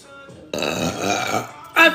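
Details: Burping: a single rough, gurgling belch lasting about a second, with a short voiced sound right after.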